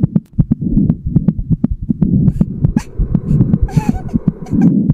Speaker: Silver, wait, it's getting faster. What does it mean? Silver's mom, it means I'm feeling something really powerful.